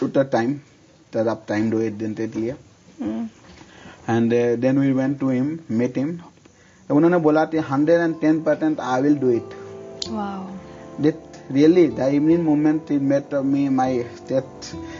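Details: Male speaker undergoing speech therapy for misarticulation (speech sound disorder), speaking Hindi.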